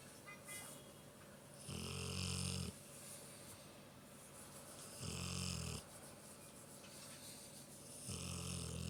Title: Big dog snores with eyes open #lazydogs